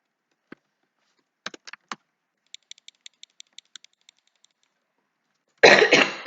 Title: bug sorry for cough